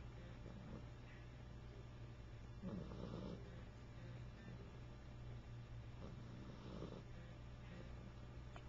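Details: Chipper snoring, recorded December 28, 2007 on a Flip Video camcorder: soft, low rumbling snores recurring every few seconds over steady room hum; snoring.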